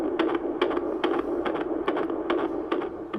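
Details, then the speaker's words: Fetal heartbeat heard during second ultrasound in pregnancy: rapid, regular whooshing beat about 143 per minute over steady machine hum. "I was able to attach it and you could hear the baby's heartbeat and see it in the ultrasound video so I'll put that in here"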